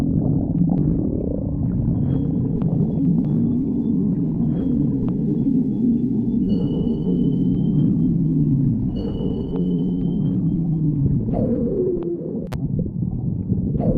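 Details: Stomach growling (borborygmi): continuous low gurgling and groaning with sliding pitch and faint squeaks.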